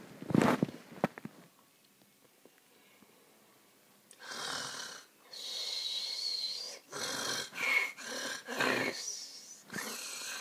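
A child acts out snoring: a series of noisy, hissing breath bursts with a faint whistle, after a quiet start with a knock.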